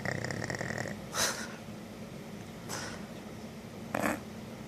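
Loud buzzing, rattling snore followed by breathy snorting exhalations; heavy snoring in a sleeping animal.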